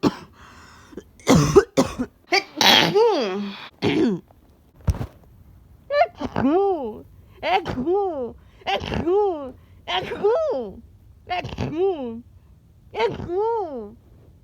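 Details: A person getting a cold, who also had a nosebleed: a few sharp coughs and throat clears, then about seven rising-falling voiced bursts, more like vocal imitation than true coughs; cough.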